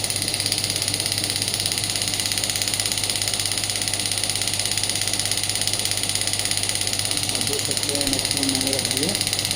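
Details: Rapid, steady mechanical ticking, close to three pulses a second, over a constant hum: a Biotronix radial pneumatic shockwave therapy (ESWT) device firing, lifted off the hand during a demonstration.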